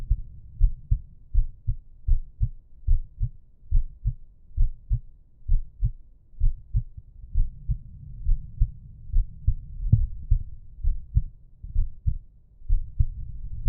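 Steady paired lub-dub heartbeats at about 65 a minute, with soft breathing underneath.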